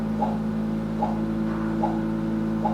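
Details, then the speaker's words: Fetal monitor during labor with contractions, showing variable decelerations, typically from umbilical cord compression: slow, regular whooshing fetal heartbeats near 73 a minute, the baby's slowed heart rate. "the pattern that's showing now on the screen here are the contractions still these are called variable decelerations and if you"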